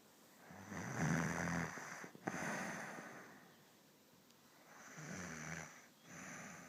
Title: snore